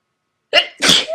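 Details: A sharp in-breath followed by one loud explosive sneeze from a person: an ordinary single sneeze.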